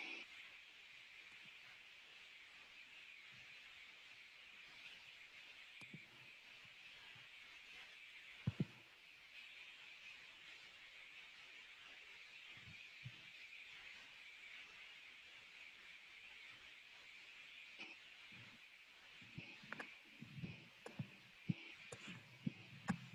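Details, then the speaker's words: Blood pressure measurement with a cuff over the brachial artery, heard through a stethoscope: steady hiss, then soft rhythmic thumps emerging as the cuff deflates from above systolic, marking systolic pressure; Korotkoff sounds. "so what we saw was very inflating the cuff to a very high pressure cutting off the brachial artery and then releasing the pressure until you heard the first sound and that was the systolic pressure the high number"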